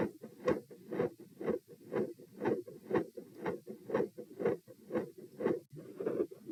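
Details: Heart murmur recorded at position P while standing, part of a same-subject comparison study: regular heartbeat near 120 a minute with a rushing whoosh filling much of each cycle. Across recordings, sounds range from very loud to very quiet and from no murmur to a continuous murmur.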